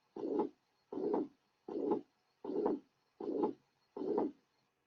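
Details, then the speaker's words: Teaching recording from a patient with mitral regurgitation: regular cycles about 78 a minute, each filled by a long, fairly high-pitched blowing murmur. "The next example will demonstrate the actual sounds from a patient with mitral regurgitation. In this example, note the rather high frequency of the murmur, a characteristic commonly encountered in this condition."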